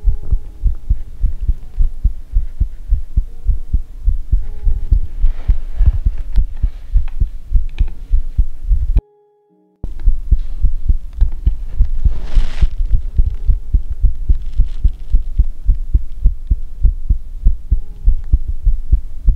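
Steady low heart thumps at about 105 a minute, with a faint hum and a brief dropout midway; an ordinary heartbeat.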